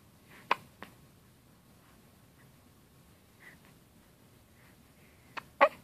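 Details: 2½-week-old baby boy with hiccups, getting upset by them: soft, sharp newborn hiccups in a quiet room.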